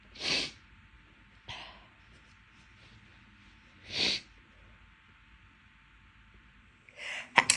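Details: Repeated sneezing from a nose irritated for the past few days: several sharp, explosive sneezes separated by quiet breathing.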